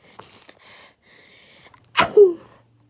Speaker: by the way, I can change my sneezes if I want, but like the ones that do the most, they're just normal, but sometimes they do change.